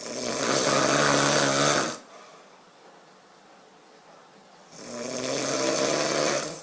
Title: My boyfriends sexy snoring